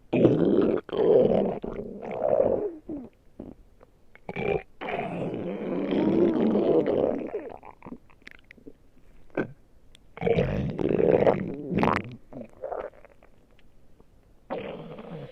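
Loud, close growling rumbles in long bursts with short squelches between: stomach growling, a normal sound of gas and fluid moving through the gut.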